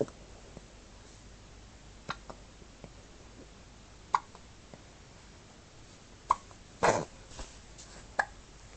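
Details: Adria: short, sharp catches recurring roughly every two seconds against quiet room noise: hiccups.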